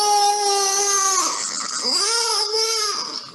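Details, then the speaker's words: 2-year-old with massive bronchial obstruction and wheezing that did not respond to salbutamol, ipratropium or rectal prednisolone begins crying in the examination room: loud, sustained, full-voiced cry with breaks between sobs. No wheeze is heard, and the wheezing disappeared during the crying. "We came to the examination room and the child has begun to cry. It is a cry of body and soul."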